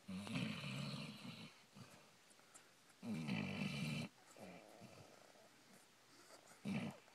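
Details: Sleeping dog after a puppy slumber party snoring: loud, rough snoring bursts with quieter breathing between them.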